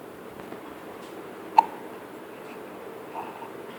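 A single short, sharp hiccup from a baby stands out against a quiet, steady room hiss.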